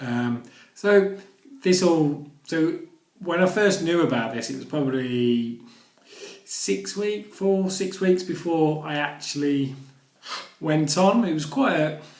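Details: Adult who stammers; stuttering.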